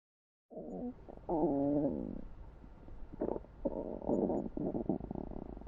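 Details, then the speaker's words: Irregular low gurgling and bubbling rumbles of stomach rumbling (borborygmi) from peristalsis moving food, liquid and gas. "¿Alguna vez has sentido que tu estómago habla por sí solo? Ese sonido raro, como un gorgoteo submarino, se llama borborismo."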